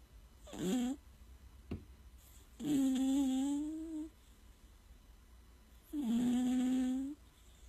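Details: Three drawn-out, droning snores on the breaths, with quiet pauses between them, in a small room; a cat snoring.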